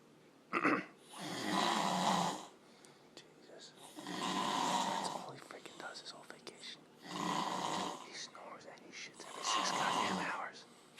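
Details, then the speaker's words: Man snoring loudly during sleep on vacation, likened to a bear or race car: four long, harsh, rattling snores at about 22 a minute with soft breath noise between; loud snoring. "he's in like freaking goddamn hibernation what the I think he's my God suck a freaking host to his damn mouth could be vacuum sounds a goddamn race my God he sounds like a race Jesus Christ I feel like I'm an Indianapolis 500"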